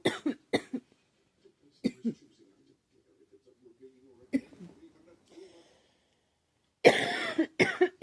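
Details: Girl who thinks she is getting a cold, with a scratchy, sore throat: several short dry coughs, a pause with faint throat sounds, then a harsher burst of coughing; cough with a cold.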